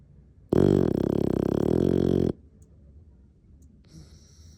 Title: Relaxing sweet sounds of a snoring English bulldog